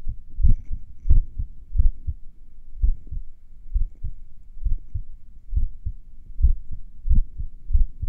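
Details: Heartbeat a few minutes after morning exercise, during recovery: low thumps with uneven spacing, pauses between beats lengthening and shortening; sinus arrhythmia.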